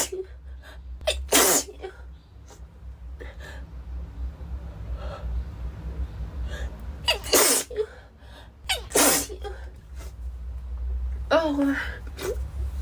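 Several sharp, explosive sneezes, each with a quick breath in before it, over steady background hum.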